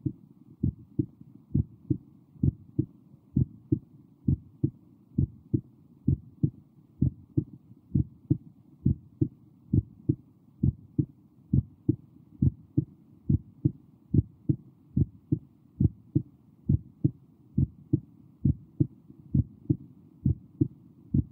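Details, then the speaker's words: Normal heart sounds audio played in a heart sounds lecture: steady paired lub-dub at about 67 beats a minute with clear S1 and S2; normal heartbeat. "So that is basically a normal heartbeat that I've shown to you. That I've shown you a normal heartbeat, right?"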